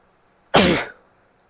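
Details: A female gives coughs along with sneezes, and a nose blow towards the end.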